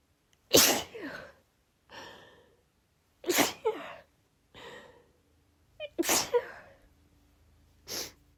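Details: Female sneezing fit triggered by cold air: a run of three sharp sneezes, each preceded by a quick inhaled catch and followed by sniffles.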